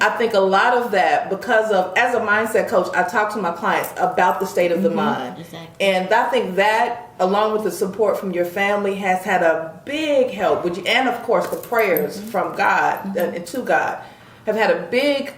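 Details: Adult woman speaking; no disorder.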